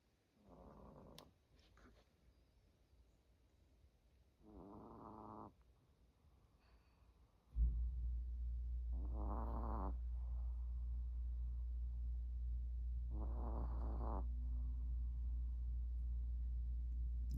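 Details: Three slow rattling snores several seconds apart, then a steady low hum in the background, from a female dog sleeping on the steps by a Christmas tree; snoring.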